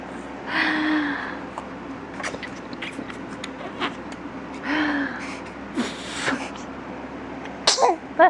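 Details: Six-week-old baby girl in her cradle swing, smiling and sneezing: two short sneezes several seconds apart, with light background noise and an adult voice saying bless you.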